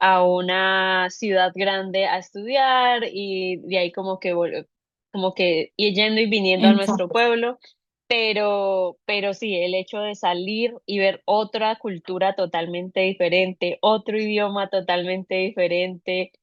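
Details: Adult woman speaking Spanish; Normal speech.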